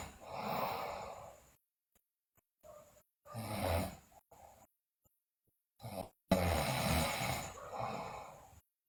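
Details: Sleeping girl snoring loudly, with teeth grinding and delirium noted; loud rough rattling breaths on inhalation in three main bursts separated by pauses; heavy snoring during sleep.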